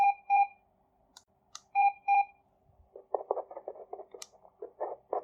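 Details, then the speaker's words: Short repeated electronic alarm beeps from a BPL FD01 fetal Doppler with a 3 MHz probe, played after pressing mode four times and then plus, followed by soft clicking and rustling. "Then on fourth press, this alarm indicator will blink. If you want to hear that sound, press this plus."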